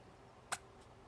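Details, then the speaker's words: Pet rat sneezing repeatedly, owner suspects a cold and notes funny, weird noises: a single tiny, sharp sneeze, a brief high click-like burst against quiet room noise. "Oh, bless you. That was a loud sneeze."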